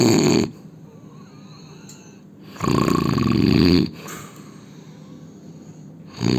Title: Indian man snoring sound